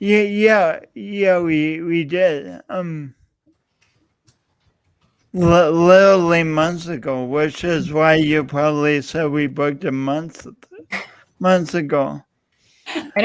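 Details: Man describing his own self-described speech impediment, type not named; stuttering-like disfluencies; speech impediment.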